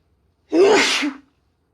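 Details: One voiced sneeze with a brief vocal cry at the start, from a woman with a cold; sneezes compiled over several days grew deeper, wetter and hoarser as the cold took hold.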